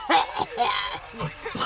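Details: A child coughs in a quick run of four or five short, harsh bursts, some with a voiced edge; a coughing fit.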